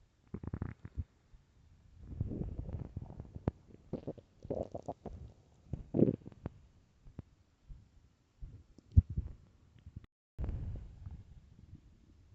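Repeated loud gurgling, rumbling growls from the belly; stomach growling on an empty stomach, a normal sound.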